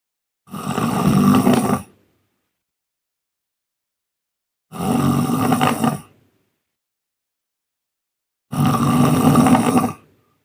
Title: suara ngorok TERUNIK.!! dengerin deh..